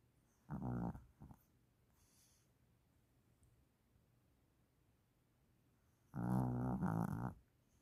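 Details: Two loud, low, rattling snores about six seconds apart from a sleeping mother dog.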